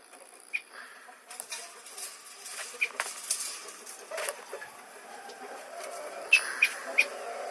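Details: Oriental magpie-robin (murai batu) with a persistent illness described as cough, shortness of breath and runny nose: several short, sharp clicking coughs, three in quick succession near the end.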